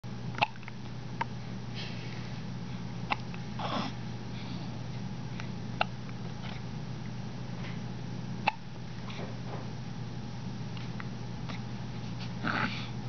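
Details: Infant girl with hiccups, not crying: small sharp catches recurring every few seconds, about six in thirteen seconds, over a quiet room's steady low hum.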